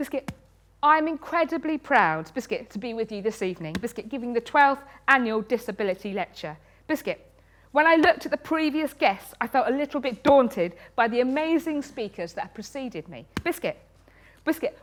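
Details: Woman in her 30s with Tourette syndrome, tics present since age six; involuntary vocal tics, most often "biscuit" and "hedgehog", plus coprolalia. Finding: vocal tics (Tourette syndrome).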